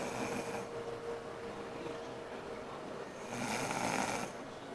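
Harsh, rasping breath noises rise and fall over a couple of breaths: snoring.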